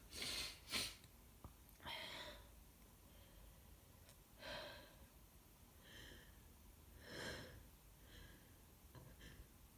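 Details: Person with a cold, sore throat and stuffy nose: two forceful, messy sneezes, then repeated wet sniffles, snorting congested breaths, false starts and a nose blow.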